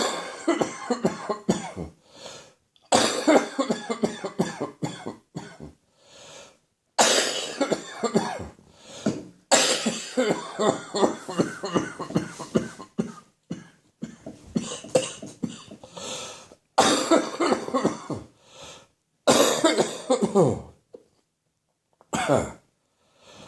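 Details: Morning productive coughing fit from a slowly improving cough, with catarrh collecting in the throat overnight and running into the chest: repeated runs of harsh, rattling wet coughs with brief gasps between.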